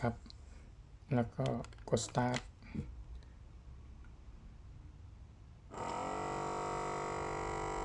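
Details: Omron automatic blood pressure monitor tested on an adult's arm and compared against a low-cost one: brief talk and button clicks, then a steady humming pump starts as the cuff inflates.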